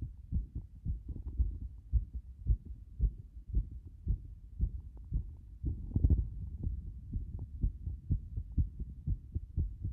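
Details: Heart sounds with frequent arrhythmia: a fast, uneven heartbeat near 110 per minute with frequent irregular beats.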